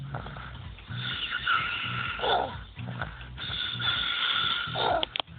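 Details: Repeated low, fluttering snores with a whistling, wheezy edge, roughly 24 a minute, during sleep.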